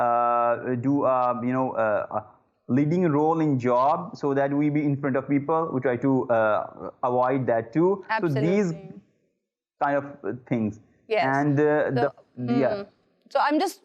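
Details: Adult man who stammers; disfluencies include repeated 'uh'. Stuttering.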